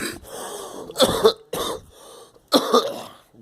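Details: Girl coughing; cough.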